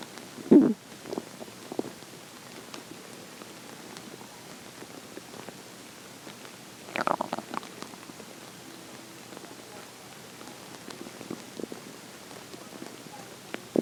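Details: Hunger stomach growling in the morning: faint hiss with a few short gurgles and squeaks and one louder early burst, bowel sounds.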